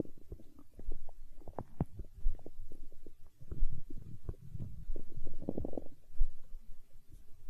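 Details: Hunger stomach growl in an ASMR recording: continuous low gurgling and bubbling rumbles with irregular pops, stomach growling (borborygmi) from normal gut movement.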